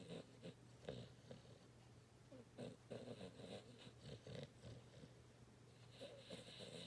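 Soft, snuffly snoring with small snorts and irregular breaths, around 18 a minute, over faint room noise; a sleeping dog snoring.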